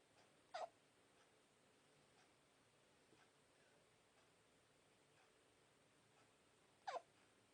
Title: A baby hiccup while sleeping..